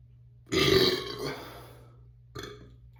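One long, loud, rumbling burp and a shorter second one, over steady low room hum. Belching after drinking.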